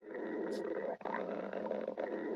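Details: Ordinary stomach growling (borborygmi): a steady, low rumbling growl from the belly.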